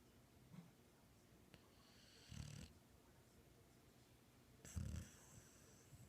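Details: Ordinary snoring during sleep: quiet, low rumbling snores at irregular intervals over faint room noise.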